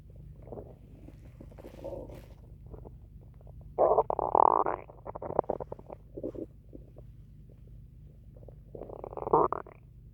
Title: My stomach growling part 2 (1 minute)